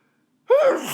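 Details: Single fairly small, very wet sneeze induced by sneezing powder (chhinkni): quick breathy intake bursting into a voiced, fairly soft explosive release, quieter than usual; eyes watering.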